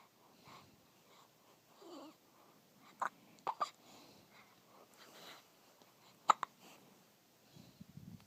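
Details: Infant hiccups: several sharp, brief hiccup sounds from a baby, some in quick pairs, with soft fussing between.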